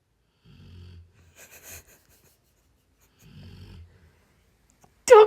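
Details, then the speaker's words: Dog Ronnie snoring while sleeping with eyes open, two low rattling snores about 22 breaths a minute ending in a sharp knock: snoring. "তো সকলে শোনো রনির নাক ডাকা ঘুমোচ্ছে দেখো কি বাবা এতো কি কি ঘুম রে"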